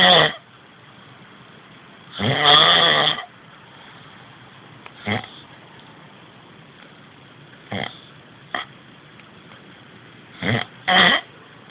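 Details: Male friend snoring during sleep, suspected sleep problem; irregular loud, rasping, snorting breath noises separated by pauses, sounding as if he were choking. Heavy snoring.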